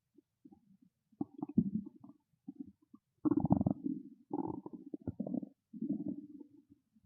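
Loud gurgling and growling bursts from the stomach, ordinary hunger noises.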